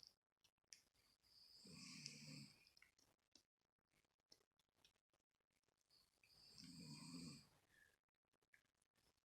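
Two slow, hissing, rumbling breaths several seconds apart, quiet between; snoring during sleep.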